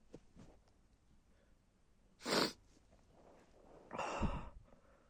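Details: Stifled adult male sneezes: faint breaths, then a held-back sneeze followed by a louder, partly released sneeze, in a quiet room.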